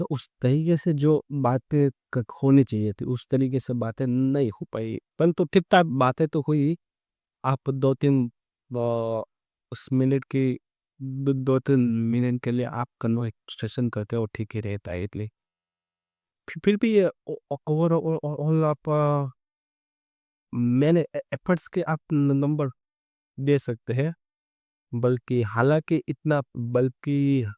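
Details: Adult man who stammers, speaking Hindi, who has done daily stammering practice including breathing and tongue twisters for about a month; stuttering.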